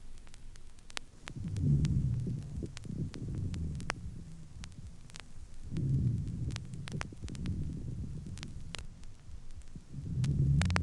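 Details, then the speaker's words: Low humming, rumbling rhonchi with a few scattered moist, resonant medium-bubbling crackles heard on lung auscultation. "в следующей записи выслушиваются низкие гудящий и немногочисленные влажные звучные среднезернистый"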